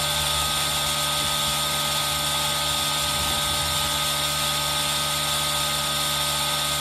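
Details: Steady, loud mechanical whir and hiss without pauses from an aerosol nebulizer, mixed with rain sound, recorded for ASMR with a Zoom H1n; a nebulizer running.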